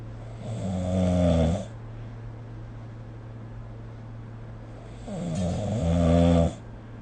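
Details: Snoring recorded with the SnoreLab app: two loud, low rattling snores on inhalation, separated by quiet exhalation, against steady low room hum.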